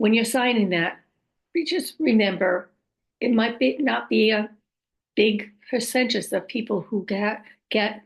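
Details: Adult woman with aphasia, apraxia of speech and dysarthria caused by a stroke about 5.5 years earlier; she says her speech can sometimes be hard to understand; post-stroke aphasia with apraxia of speech and dysarthria.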